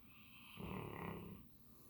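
A single soft, low snoring breath lasting about a second against quiet room noise; gentle snoring in a sleeping dog.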